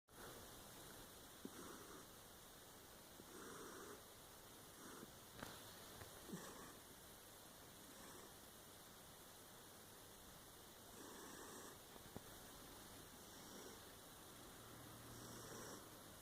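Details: Soft, faint, steady rhythmic snoring breaths from a sleeping silver Maine Coon cat in a quiet room: snoring.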